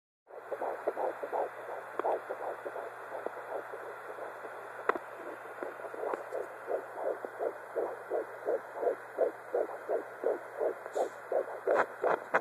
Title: 12 week Fetal doppler